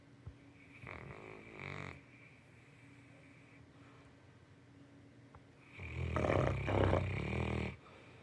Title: Tired puppy! #stbernard #snoring #tiredpuppy #oregon #farmliving